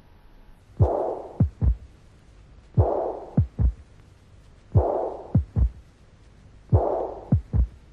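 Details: Third heart sound with mitral regurgitation murmur.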